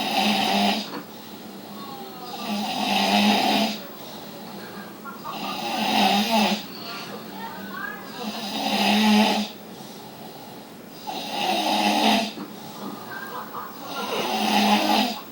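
Loud, regular rattling snores on each breath in, about 21 a minute, with quieter breaths out between them.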